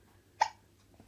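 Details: Baby with hiccups while an adult talks: a single short, sharp hiccup in a quiet room with low hum; ordinary hiccup.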